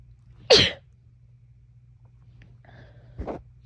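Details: Two sneezes, a loud sharp one then a softer one, over a low steady hum, from a person with a cold and heavy nasal congestion.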